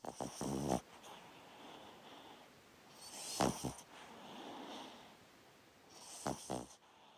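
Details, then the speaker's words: A sleeping 14-year-old pet dog snoring softly: three little snorting bursts with quiet breathing between them. "the sound of my sweet dog Wilco and his little snore while he sleeps"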